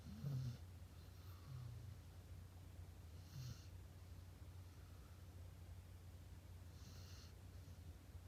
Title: Cute dog video | sleeping and snoring